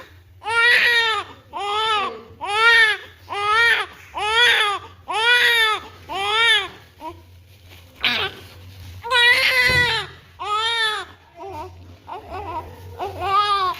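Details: Loud, strong, rhythmic crying in repeated bursts with brief pauses for breath from a newborn girl just after birth, as cleaning of vernix begins; a vigorous, healthy newborn cry.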